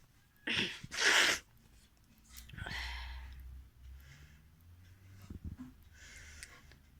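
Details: Sneezing challenge: a sharp, forceful sneeze with a quick intake before it, followed by quieter sniffing and breathing.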